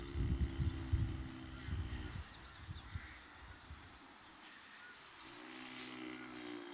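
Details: Horse napping in the sun during the morning, outdoors: two low, rumbling, fluttering breath sounds a few seconds apart with faint background noise; snoring while dozing.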